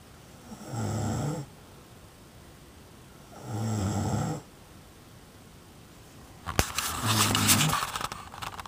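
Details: Person snoring: three loud, rough, fluttering snores on breathing in, several seconds apart, the last mixed with rustling.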